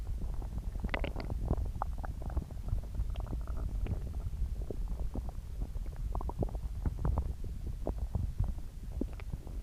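Continuous low gurgling and rumbling with frequent bubbly pops throughout, typical of active stomach growling from an upset stomach (borborygmi).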